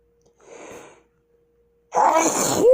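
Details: Sneezing fit with stuck sneezes: a soft breathy build-up, then a loud explosive sneeze with a drawn-out vocal tail.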